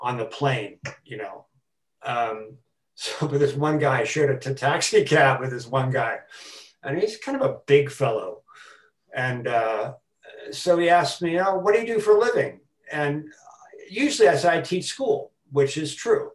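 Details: Adult man who has stuttered since about age four, with repetitions, fillers and blocks: stuttering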